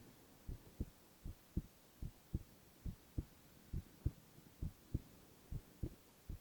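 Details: Male ASMR recording of heart sounds alone, without speech: steady paired low thumps at about 68 beats a minute with a faint hum behind, sounding like a normal adult heartbeat; normal heart sounds.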